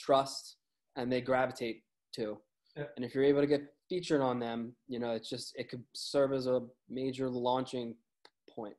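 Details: Adult man with a stutter he has had his entire life, audible in his speech; stuttering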